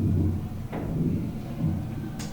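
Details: Teaching audio recording of a pleural friction rub from a lung auscultation lesson: low, rough creaking bursts with breathing from inflamed pleural surfaces rubbing together.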